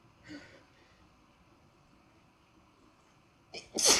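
A soft sneeze-like burst, a quiet pause, then a loud sharp sneeze at the end; ordinary sneezing.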